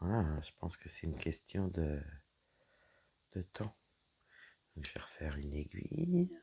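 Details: Woman whose vocal cords were damaged by a serious health problem; she reports her voice is now deeper than before, at times she has little voice, and she cannot speak loudly. Dysphonia.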